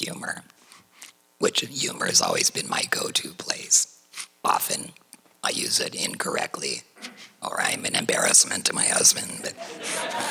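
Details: Tracheoesophageal speech through a voice prosthesis in a woman, after total laryngectomy for cricoid chondrosarcoma diagnosed in 2006 at age 55.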